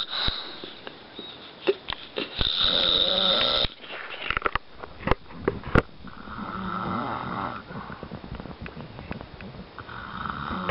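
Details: An adult man (the father) snoring in sleep: rough, rasping breaths with a brief high whistling note and scattered clicks and rustles.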